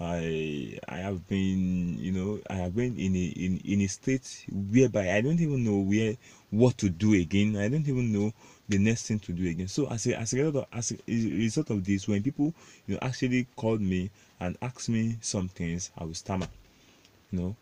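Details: Adult male self-described stammerer, proud of it, with word repetitions in this stretch; stuttering.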